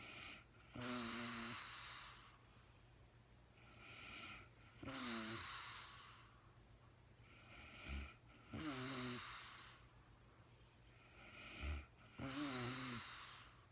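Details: Real-time sleeping woman, part 1 of a night's sleep: rough rattling snores on each in-breath at about 16 breaths a minute, soft out-breaths between; ordinary sleep snoring.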